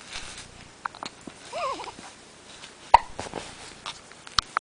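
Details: 8-day-old newborn hiccupping during a nappy change after a feed in a warm room: brief sharp hiccups at irregular intervals with a soft infant vocal sound between.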